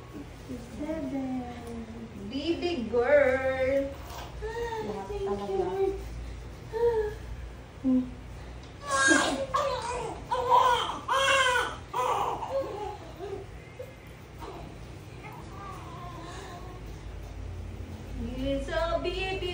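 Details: Newborn baby girl just after a normal vaginal delivery, the mother's second daughter: thin, rising and falling first cries, with voices and room noise around.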